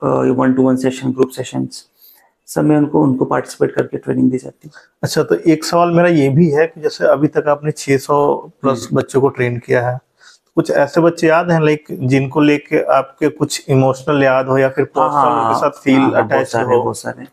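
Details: Adult male speakers in conversation; normal fluent speech.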